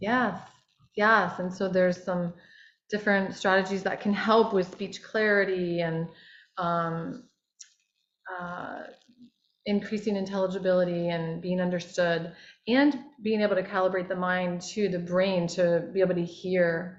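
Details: Adult speaker; no speech disorder.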